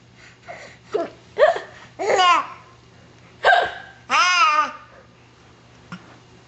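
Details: Baby laughing at his own hiccups: brief, abrupt hiccup catches mixed with bursts of hearty baby laughter; hiccups.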